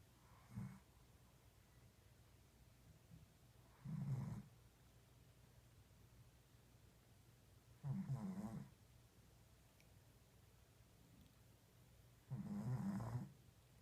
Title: Small dog snore louder than me